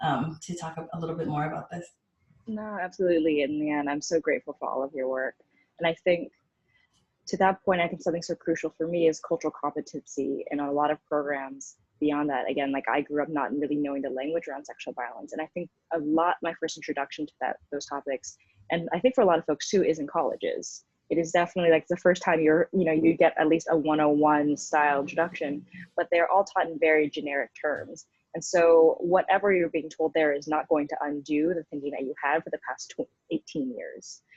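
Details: Adult speaker; typical speech.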